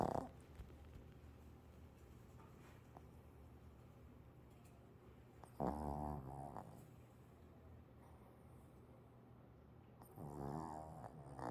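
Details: Freddy, a male pet, apparently a dog, asleep and possibly dreaming: two soft, rattling snores about five seconds apart over faint room noise.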